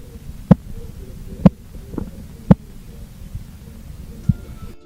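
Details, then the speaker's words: Korotkoff sounds by stethoscope while slowly deflating an aneroid sphygmomanometer cuff: faint low hum with sharp taps near 60 a minute; taps begin at systolic pressure and vanish at diastolic. "This sound is called the systolic pressure. Keep slowly releasing the air and listen for when the tapping sound disappears."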